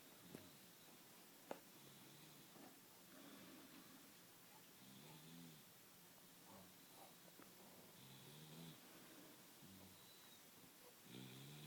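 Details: Snoring during a midday nap, quiet and rhythmic, with soft buzzy rumbles on each breath in a quiet room; snoring.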